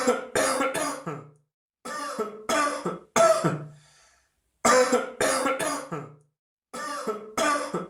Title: Öksürük Sesi - Cough Sound